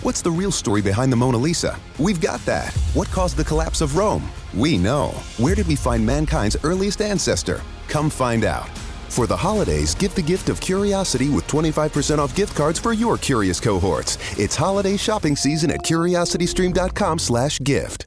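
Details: Adult male voice; normal speech.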